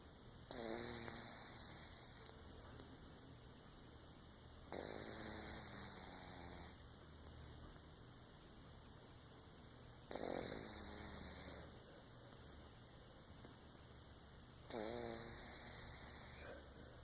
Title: Sleeping cat snores.